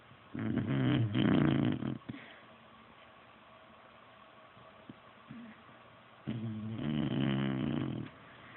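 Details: Beagle snoring: two long, rattling snores with a quiet pause between, in a small room.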